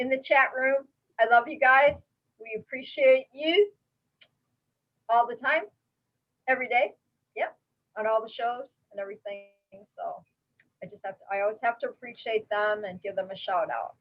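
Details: Adult woman speaking; normal voice.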